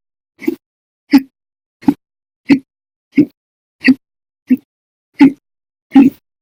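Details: Persistent hiccups described as violent, very loud, silent, minute and second hiccups, with daily episodes exceeding 5 hours: nine abrupt, loud, gulping hiccups about every 0.7 seconds with silence between.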